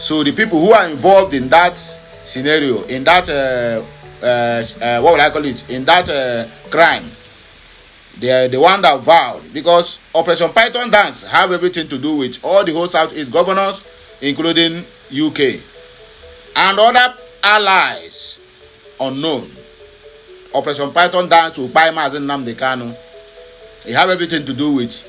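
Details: Adult man who says he stammers but usually hides it, stammering more when held up; word repetitions audible; stuttering.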